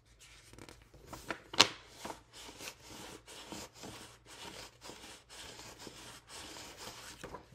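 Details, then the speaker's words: Imitated pericardial friction rub (sign of pericarditis), made by rolling cardstock over a spiral binder: repeated fine, dry, sandpaper-like scratching bursts. "is me getting cardstock and rolling it over the spiral binder that's what it sounds like it sounds like you rubbing sandpaper together but very finely"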